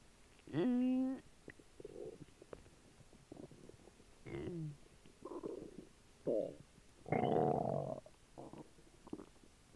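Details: Slightly upset stomach churning after dry cereal, apple juice and jelly beans: gurgling, rumbling bursts with squeaky, tone-like growls over quiet room noise; audible borborygmi.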